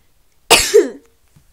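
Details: Person feeling very unwell with sneezing and coughing: one sharp, harsh cough burst that fades quickly in a quiet room; cough.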